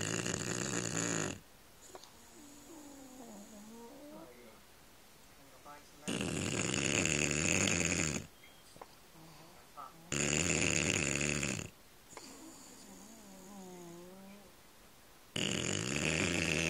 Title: Bulldog snoring